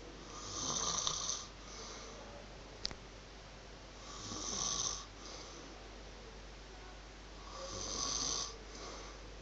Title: Roommate snoring.